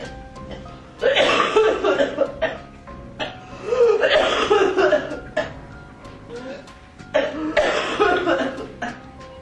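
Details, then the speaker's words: Repeated bursts of harsh, rapid coughing in an adult with pertussis: paroxysmal whooping cough. "al principio la pertussis aparece como un simple resfriado con un poco de tos pero en pocos días se convierte en una tos mucho más fuerte característica de esa enfermedad este es el sonido de la tos provocada por la pertussis en un adulto"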